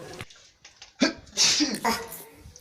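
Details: A single human sneeze: a sharp inward breath followed by a burst of hissing air, with faint talk in the background.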